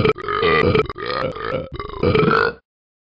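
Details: Burping: a run of loud, drawn-out burps with short breaks between them, in about three seconds; cause unknown to the recorder.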